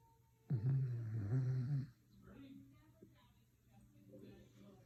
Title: Listen to the dog snore ￼￼